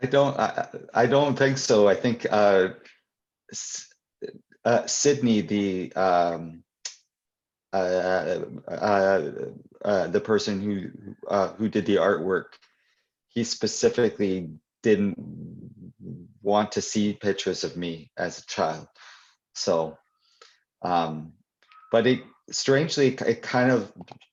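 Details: Adult poet and children's author who stutters, speaking live at a 2021 convention for people who stutter; real, not acted; stuttering.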